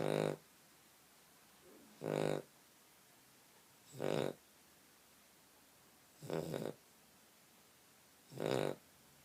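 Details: Regular rough snores about every two seconds, roughly 29 a minute, with quiet pauses between them; ordinary snoring during sleep.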